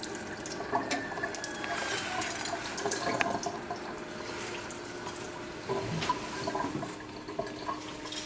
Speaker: And then after that, I'm just going to go ahead and rinse my speculum with distilled water.